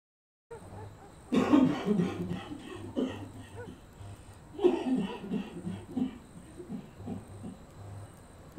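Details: Two harsh, throaty cough bursts from an adult character in a doctor's office, acted for a film, over a low background hum.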